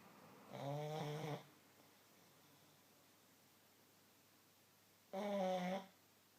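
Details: Pug, a flat-faced dog, napping on the back of a sofa: two loud, buzzy, drawn-out snores about four seconds apart with near silence between; snoring.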